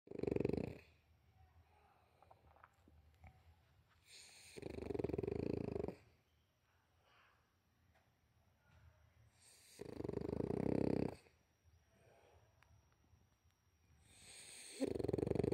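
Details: A dog snores in loud, rough bursts about every five seconds, with quiet breathing between.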